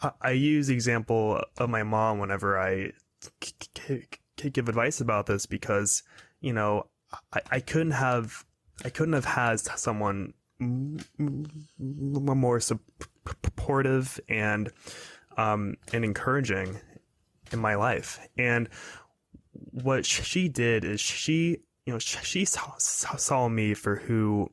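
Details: 22-year-old man who has stuttered his whole life, speaking in a podcast interview; stuttering.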